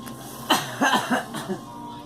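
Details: A girl coughing: a short run of about four coughs, some voiced, over background music.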